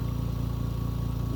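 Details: Home oxygen concentrator with a humidifier water bottle filled with distilled water and tubing to the machine, running normally: steady low motor hum with rapid regular compressor pulsing.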